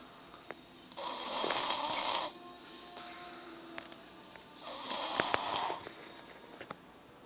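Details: 3-year-old child snoring in sleep: two noisy, rasping breaths in, roughly 16 a minute, with faint tonal background sounds.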